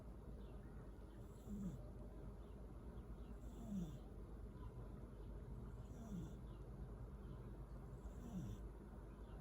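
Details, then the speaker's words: A sleeping cat snores with soft, low snuffling snores roughly every two seconds, partly buried in steady room hum: snoring. "You know you snore, eh? You snore."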